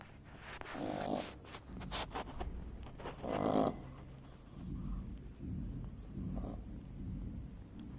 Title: beagle puppy snoring